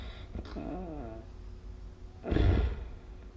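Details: Snoring during sleep recorded with the SnoreLab app: a brief soft throaty breath, then one deep rumbling snort-like snore.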